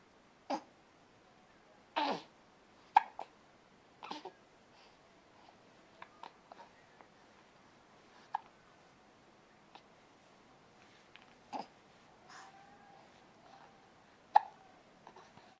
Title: hiccups.m4v